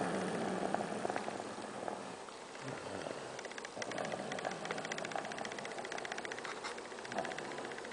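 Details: Sleeping child snoring: rough, fluttering rattle on the breath, soft room noise behind.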